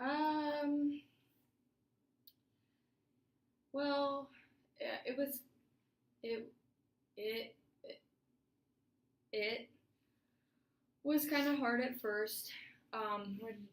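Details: Adult woman client, college senior, in a stuttering therapy session, possibly role-played; audible repetitions, clinician notes not much stuttering in this section; stuttering.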